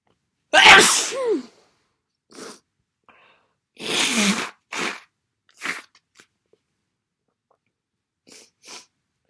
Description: Some massive cold sneezes.